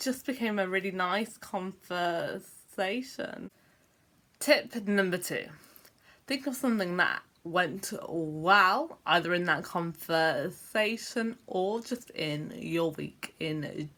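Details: Adult woman with a long-standing stammer involving long blocks and repeated sounds; word repetitions heard in this clip; stuttering (stammering).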